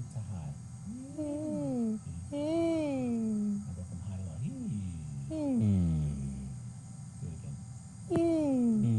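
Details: Normal phonation (humming) during nasal endoscopy viewing the throat, with the vocal cords producing a mucosal wave.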